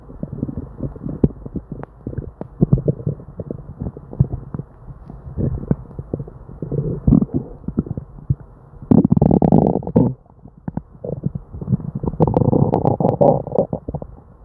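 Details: Hyperactive bowel sounds (borborygmi) in a person with diarrhea: loud, near-continuous gurgling and rumbling from the belly with bursts of louder churning, an upset, non-stop stomach.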